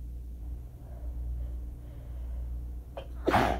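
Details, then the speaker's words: Allergy attack after waking from a nap, following days of constant sneezing, with asthma, burning throat and watering eyes; A/C off, neighbours' TV audible: a quick in-breath, then one forceful sneeze into a handkerchief over low hum. "I've been sneezing so much over the past few days that I just didn't want to use paper towels anymore."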